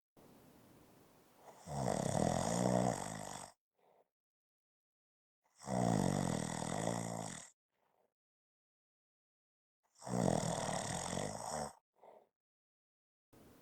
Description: This is a 5-minute clip of snoring.